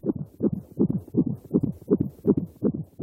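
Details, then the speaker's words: Rapid, regular whooshing pulses at about 160 a minute: a baby's heartbeat in the womb, fetal heartbeat heard on Doppler, in a report on home fetal heart monitoring devices. "The sound of a baby's heart beating in the womb. Every parent remembers the first time they heard it."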